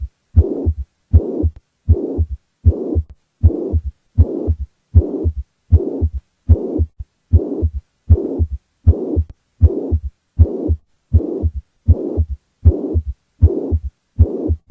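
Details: Regular heartbeat near 78 a minute with a steady blowing murmur filling each beat, typical of a mitral regurgitation heart murmur.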